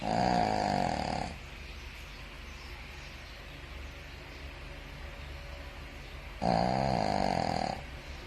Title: snoring pepper 😂